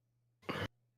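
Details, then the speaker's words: Single short, sharp cough from an adult with a chronic cough, allergic to dust and pollen, late at night, over steady low electrical hum. "I can hear that you are coughing a little bit that's because it's towards the end of the night"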